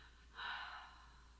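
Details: Normal breath sound on chest auscultation, with the patient repeatedly told to breathe: a single soft, airy breath over a steady low hum, without wheeze or crackle.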